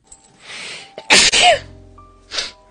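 A short noisy inhale then an explosive burst with a voiced cry-out, a single sneeze over soft background music.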